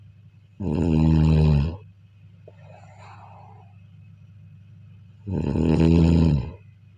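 Two loud, low, rattling snores on breathing in, separated by a quiet breath out; ordinary snoring in sleep.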